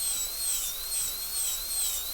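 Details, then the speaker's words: High-speed dental handpiece reducing the B plane of an MOD gold onlay preparation from mesial marginal ridge through oblique ridge, on a soft Kilgore preprepared practice tooth in a class demonstration, steady high-pitched whine wavering under load. "from the measial marginal ridge all the way through the oblique ridge. So flat plane, not horizontal, but flat all the way across."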